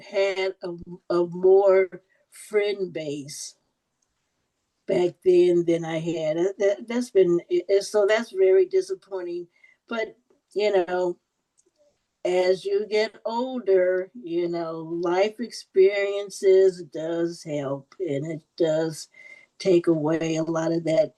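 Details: Adult woman who stutters, with audible repetitions; stuttering.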